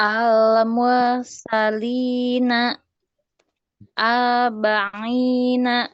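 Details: Rhotacism (cadel) in an adult woman reciting Arabic Quranic words; the letter ra is not heard and sounds like l.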